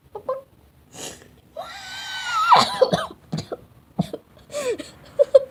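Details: Person who says they are sick, with a burning nose: several short coughs with drawn-out, strained vocal sounds between them, in a small room; cough.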